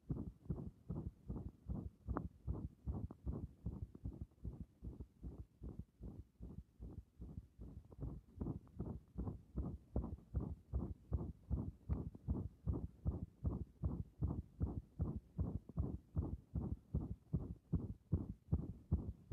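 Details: Heart sounds heard through a stethoscope pressed directly on the chest: a regular, fast heartbeat at about 150 beats per minute.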